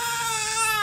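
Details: Newborn being swaddled gives a sustained, high-pitched cry with a clear tonal quality, heard steadily throughout: infant crying.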